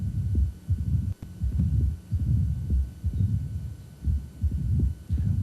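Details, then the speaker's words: Mitral stenosis with irregular rhythm: a low diastolic rumble that grows quiet and fades during long R-R intervals, as atrium and ventricle pressures equilibrate, suggesting milder rather than severe stenosis. "another thing that's helpful is this patient's going to show us is with long r intervals [Music] you notice the murmur gets quiet goes"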